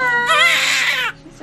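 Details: A single loud, high-pitched wail of about a second from a newborn baby girl just after delivery following unexpected early labor, a strong cry.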